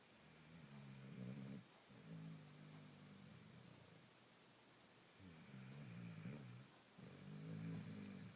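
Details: Soft, low snores on both in- and out-breaths, roughly one breath every three seconds, over faint room hiss; sleeper possibly having a bad dream: snoring.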